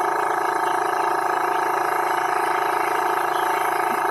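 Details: Steady loud mechanical hum with fast pulsing buzz from a jet nebulizer compressor running continuously, delivering gentamicin-saline through a child-sized mask to a rabbit with upper respiratory infection.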